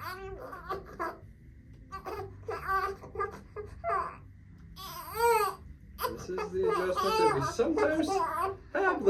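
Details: Infant lying on mother's chest during first chiropractic adjustment, after reported bad delivery; bursts of crying and fussing with adult speaking softly in small room; infant cry.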